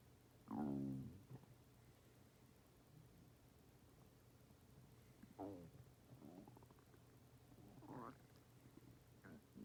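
Low gurgling, rumbling bowel sounds in three or four bursts over a quiet background, ordinary stomach growling.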